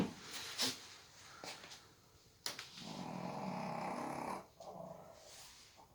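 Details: Sleeping person snoring.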